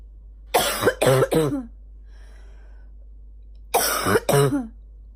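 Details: Female, morning: two bursts of harsh coughing, three coughs then two, each with a hoarse, barking edge, in a quiet room; barking morning cough.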